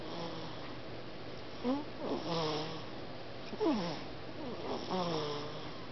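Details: Sleeping infant snoring: soft, squeaky, whistling breath sounds, about four in six seconds, over faint room hiss.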